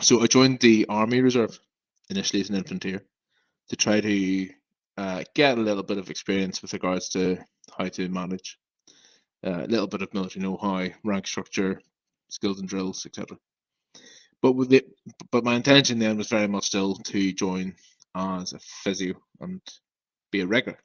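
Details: Adult male who has stammered since about age five and experiences blocks; stuttering.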